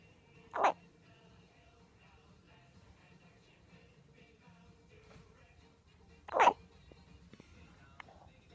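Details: First hiccups: two brief, sharp gulping sounds about six seconds apart in a quiet room, fitting infant hiccups.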